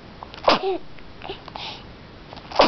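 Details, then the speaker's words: A person sneezing: two sharp, explosive sneezes a couple of seconds apart, with a brief soft vocal sound after the first, in a quiet room. "Bless you. You got the sneezes."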